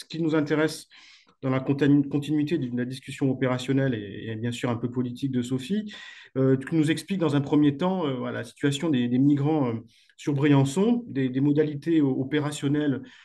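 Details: Adult man speaking; normal voice.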